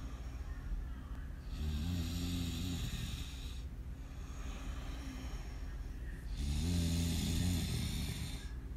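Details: Man asleep while holding his phone, recorded 11/26/18: two loud, rough, rattling snores on slow breaths in, with quieter breathing between; snoring.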